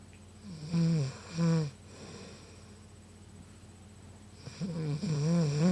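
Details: Sleeping adult woman snoring really loud: low, honking snores in short bursts, a pause, then more snoring.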